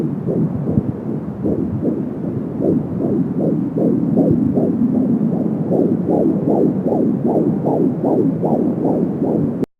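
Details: Rapid, regular whooshing fetal heartbeat at 16 weeks of pregnancy on a home Doppler (Angel Sound), about 160 to 170 beats a minute.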